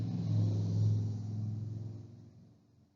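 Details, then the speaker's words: Patent ductus arteriosus over the pulmonary focus and left infraclavicular fossa: a steady, low, rumbling continuous murmur with late-systolic accentuation (Gibson murmur), like steam machinery, running without a break then fading. "Persistencia del conducto arterioso. Es un soplo continuo con reforzamiento telesistólico, descrito por Gibson. Se escucha como en máquina o maquinaria de vapor."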